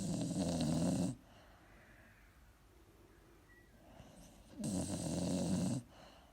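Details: Elderly Springer Spaniel snoring loudly during a Sunday afternoon nap, later waking up: two loud, deep, rattling snores about three and a half seconds apart, with quiet breathing between.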